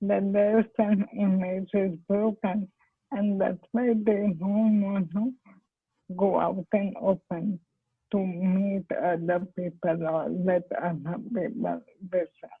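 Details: Dysarthria in amyotrophic lateral sclerosis in an adult woman, a doctor diagnosed around 2005; speech had become incomprehensible before stem cell therapy and is now comprehensible.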